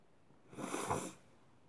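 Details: Single short, forceful sneeze into a handkerchief with a hissing release, somewhat muffled, in a quiet room.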